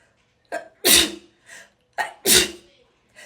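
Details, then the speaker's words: Woman doing a self COVID-19 nasal swab: two sneezes, each quick in-breath then sharp burst, swab-induced: sneeze. "swirl it in here for 30 seconds every time i do that it makes me sneeze oh oh my gosh"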